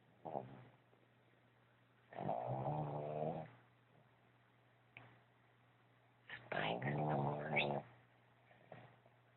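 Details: Snoring from Spike, a sleeping pet: two drawn-out rumbling snores with short snorts between them, over a steady low hum.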